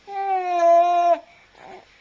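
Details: A single sustained high-pitched wail lasting about a second, then a soft fading vocal sound, from a young boy talking with his father before work; infant cry.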